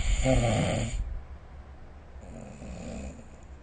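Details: Snoring during sleep recorded with the SnoreLab phone app: one rough, rattling snore, then a quieter breath; snoring.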